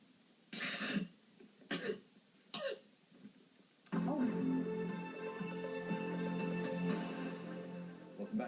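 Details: TV newswoman on air, just after a weather report, represses a sneeze: three short, abrupt throat-clearing bursts, a stifled throat clear or cough, then music starts.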